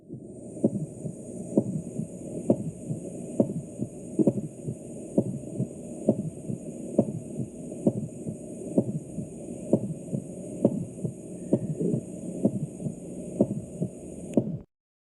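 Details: Heart sounds at roughly 66 beats a minute, fairly even thumps partly masked by steady hiss and hum; heart sounds.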